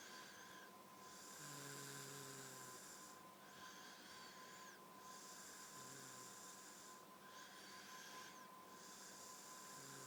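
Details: Adult asleep after a night out, whistling snore: breathy snoring cycles roughly every three seconds, some with a faint high whistle, over a steady background hum.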